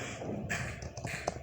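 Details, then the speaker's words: Crackles (crepitant rales) heard over the lungs in pneumonia: brief fine crackling pops over a low rustling background, likened to the crackle of ice rubbed between the hands. "onectado a nivel de los pulmones una neumonía en una neumonía vamos a escuchar exores crepitantes son crépitos se escucha como hemos dicho"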